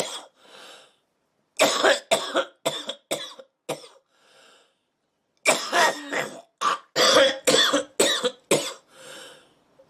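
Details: Woman smoking and coughing: two bouts of repeated harsh coughing, about a dozen coughs in all, with short pauses and breaths between.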